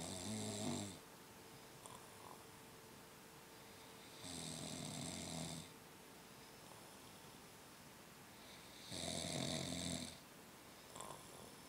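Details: Companion who came to keep someone company while studying has fallen asleep: three rough, rasping snores against a steady room hum, about one every four seconds; snoring.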